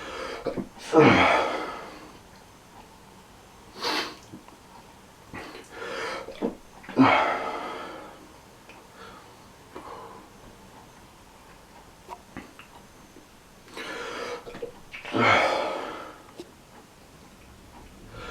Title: MORE SNEEZING AND PAINFUL ALLERGIES!!!!!!